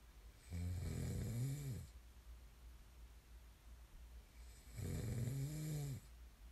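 Two loud, low, rattling snores on breathing in, with quiet breathing between; ordinary snoring.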